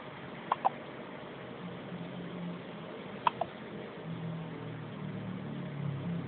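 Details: Hiccups in a male: two pairs of brief sharp clicks about three seconds apart over engine-like background rumble.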